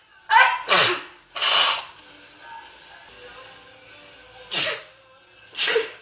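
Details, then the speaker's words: Four sharp, hissing sneeze bursts in about six seconds, with faint background music; ordinary sneezing. "I'm not going to stop sneezing now. So why do you sneeze for 4 hours?"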